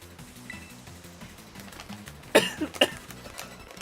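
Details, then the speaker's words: Adult with a lingering cough weeks after a rough illness, throat possibly a little shredded: a short cough burst of one strong cough and two smaller ones, over background game music. "yeah I apologize for the sound of me coughing I I had I had rough illness like several weeks ago now and the cough is the one thing that's just been lingering"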